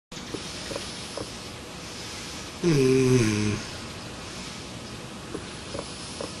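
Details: Sleep experiment with a smart snore pillow: one loud, rough, buzzing breath of about a second, with faint breathing around it, against steady room noise; a snore.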